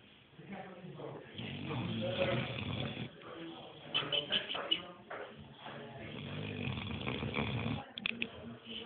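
Two long, rough, rattling breaths with a quieter pause between them. This is snoring in a sleeping dog.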